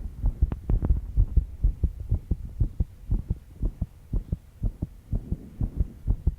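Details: Fast heartbeat of a stressed 22-year-old woman after pulling an all-nighter, with some background noise.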